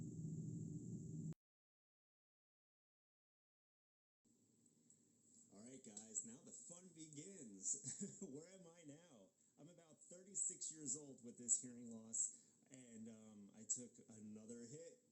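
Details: Male speech run through a hearing loss simulator using the speaker's own old audiogram frequencies. It is muffled and indistinct, imitating his progressive sensorineural hearing loss over the years, not a perfect representation: simulated sensorineural hearing loss.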